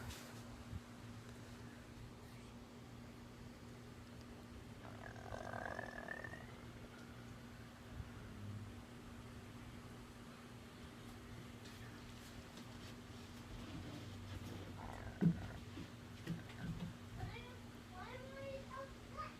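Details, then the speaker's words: Patient after vertical sleeve gastrectomy (VSG) with soft bubbly gurgles and low rumbles over a steady hum. The painful, loud gurgling felt from the chest up to the throat lasts about 30 minutes after eating and is not a burp. "and this is how it goes for a good 30 minutes after i eat and it's painful and loud so it's embarrassing as well as loud and painful"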